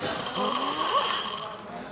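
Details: A single loud, rough, rattling breath sound lasting about two seconds, with a shifting whistly pitch over steady room noise: very loud snoring.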